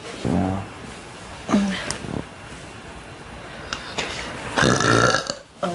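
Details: Woman's belching compilation, described as upset-stomach burps: several loud, low, voiced belches, some drawn out, with room noise and talk between them.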